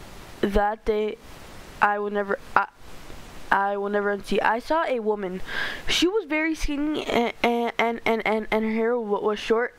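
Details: Stuttering in a male narrator reading a story aloud, who says he stutters a lot and reads poorly.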